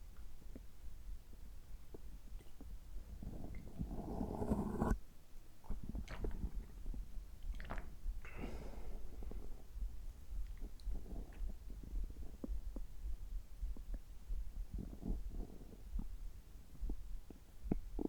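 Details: Bowel sounds from the belly just after a gastroscopy (upper endoscopy) with normal results, while drinking water: low gurgles and rumbles with scattered soft clicks and squelches; ordinary bowel sounds.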